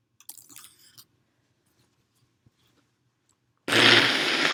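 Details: Soft rustling and sniffing, then a sudden loud, harsh burst of air: a single sneeze induced by spraying perfume.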